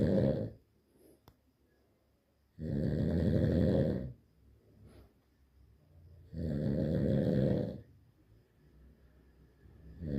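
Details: Sleeping dog with heavy, deep, rumbling snores, each over a second long, about 17 breaths a minute, with quiet pauses between; snoring.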